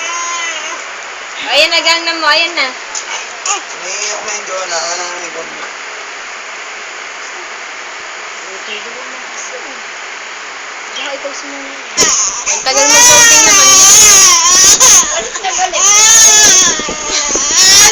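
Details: Baby girl crying, reportedly because the Gangnam Style music took long to play: wailing infant cries over steady rushing background noise, growing louder and more intense toward the end; ordinary infant crying.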